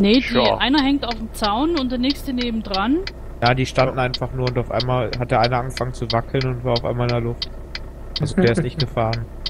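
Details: Adult male speaker; normal voice.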